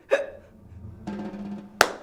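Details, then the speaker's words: Short, abrupt vocal hiccup catches separated by a brief sound, acted in a comedy skit trying a scare cure: hiccups. "Are you sure this is going to get rid of my hiccups?"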